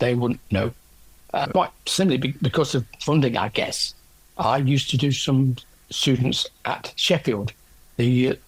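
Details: Adult man with aphasia after a stroke from a left middle cerebral artery blockage 10 years earlier; no speech at first, now improved with persisting word-finding difficulty.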